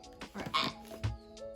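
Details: 16-year-old with Tourette's syndrome, diagnosed at age 6, demonstrating a recently developed vocal tic: sniff, stomach tightening and held breath, then a short forced voiced "ah" burst on exhaling, over background music.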